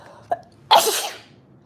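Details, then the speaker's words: A sneeze sound played during a children's story about Coldland and Mr. Sneeze; sneeze. "The sound of the sneeze is very common indeed in Coldland, which is not very surprising, isn't it?"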